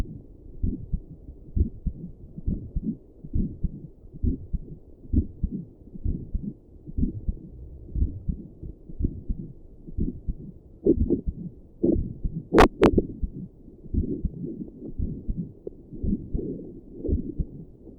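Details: Adult's own heartbeat at rest, sitting at a desk, recorded with doppler plus stethoscope audio: steady, regular soft low thumps with a whooshing pulse quality at about 67 beats a minute; normal heartbeat.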